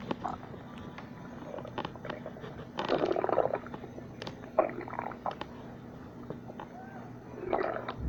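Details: Stomach growling (borborygmi): irregular gurgling and squeaky rumbling bursts over quiet room noise, with louder swells near the middle and end.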